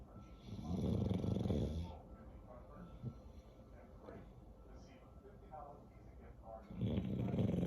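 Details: Loud, rattling snores on inhalation with quieter breathing between them from a sleeping bulldog; snoring.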